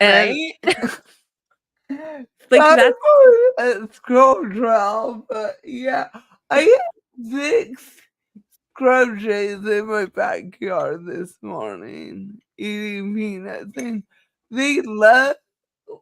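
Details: Woman with cerebral palsy, which she says is why she talks this way and cannot be changed; dysarthria (cerebral palsy).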